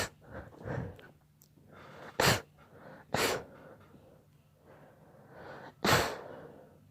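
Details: Three sharp, explosive sneezes separated by quiet snuffling breaths; sneezing.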